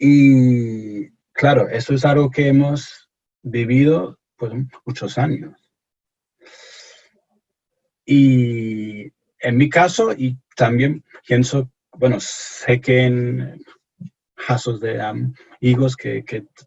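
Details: Stuttering in an adult English-born man speaking Spanish as a second language, who reports anxiety and pressure when speaking.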